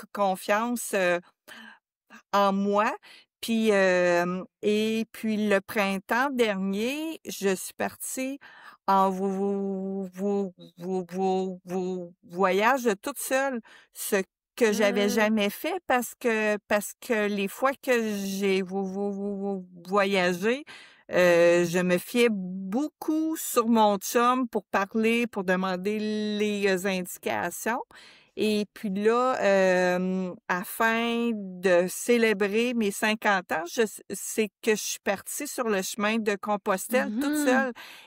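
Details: Real stuttering in a French-speaking woman in her fifties who stutters, a board member of a stuttering association; she says her stuttering sometimes makes speaking take a bit longer.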